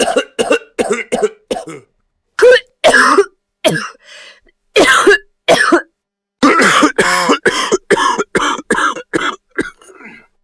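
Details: Cough sound-effect clip, possibly fake: about twenty sharp coughs in several short bouts, some loud and some softer, with brief pauses, consistent with repeated adult coughing.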